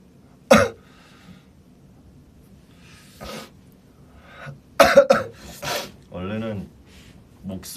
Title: SF9 cough and sneeze(2)